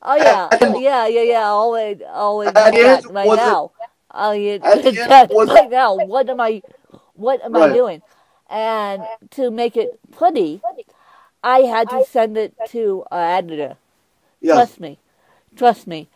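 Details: Adult woman with cerebral palsy who uses a walker, described as having less speech impediment than her co-host, also with cerebral palsy; mild dysarthria.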